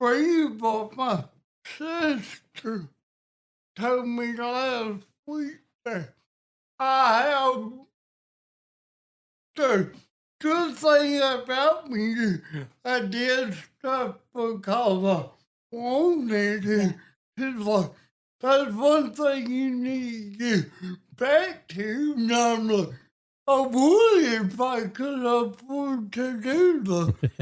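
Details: Adult man with cerebral palsy and a speech impediment since childhood, with balance problems; dysarthria (cerebral palsy).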